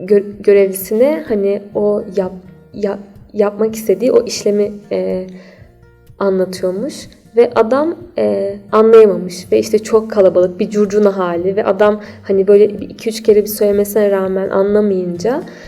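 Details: Stuttering in a 28-year-old woman.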